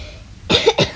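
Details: A pair of short, dry coughs from a child breaking into speech, acted in a sick-day routine; the child says she has had a cough since yesterday, feels a little sick and has a very dry throat; cough.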